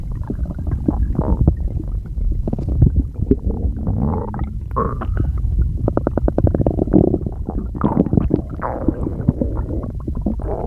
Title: [STOMACH NOISES] I can't get them under control